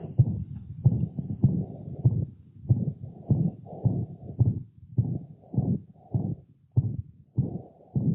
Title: Systolic murmur of mitral regurgitation in a dog (most common auscultation finding)